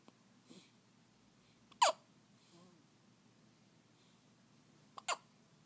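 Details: Baby hiccuping while asleep: two sharp, brief catches of breath a few seconds apart, with soft breathing between, in a quiet room.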